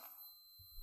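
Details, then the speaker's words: Brief high electronic beep as a home finger-cuff blood pressure monitor powers on, after the cuff is tightened and held at heart level; the beep indicates power-on, not a need to tighten the cuff. "beep tells you it's powering on and it's not indicating that i need to tighten the cuff"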